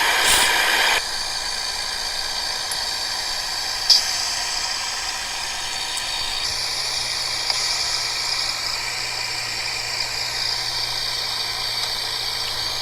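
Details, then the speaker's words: Nebulizer compressor running an albuterol treatment by mask for a patient with ALS who has congestion and a cough; a steady hum and hiss that grows louder, with a few small clicks. "This lovely little guy. My Buterol mask. It gets progressively louder. So fun."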